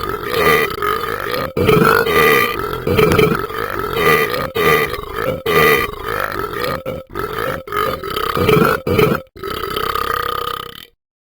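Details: Long run of about ten loud, deep, rumbling burps with brief gaps between them; burping.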